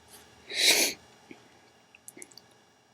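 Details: A single sharp, hissing sneeze burst lasting about half a second, then faint rustling; one of three sneezes before a long, wet nose blow.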